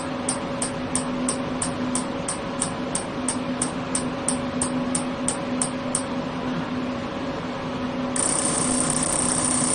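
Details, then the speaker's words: Super inductive system (SIS) electromagnetic physical therapy device, automatic mode, energy started at 30, on the lower back: steady rhythmic clicking, about three a second, over a low hum as treatment pulses are delivered. "按这里能量，先30开始启动。听到这个哒哒哒的声音，就是已经开始在操作了。"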